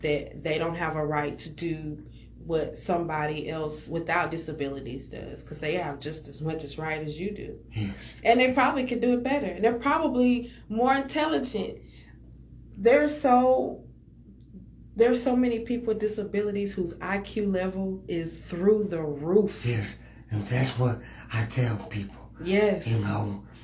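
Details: Adult speaker in conversation; ordinary speech.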